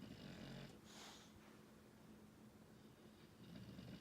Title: English Bulldog snoring:เป็นสิวหนุ่มพ่อบอกทายาให้เขาด้วยนะว่าซั้น!!